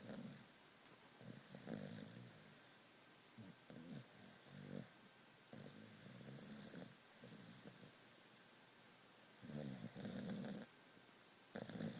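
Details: Snoring from Lily, likely a dog, sound asleep: rough, rattling snores in bursts with quiet gaps between them.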